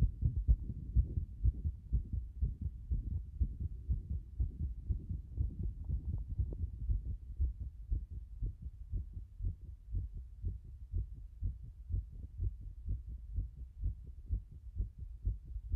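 Fast, regular low thumping heartbeat at about 120 beats a minute; rapid heart rate.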